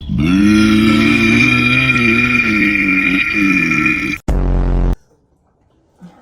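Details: Deliberate forced burping after drinking Sprite: one long, loud, voiced belch of about four seconds, then a shorter second belch.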